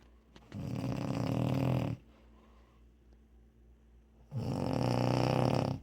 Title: Wife snoring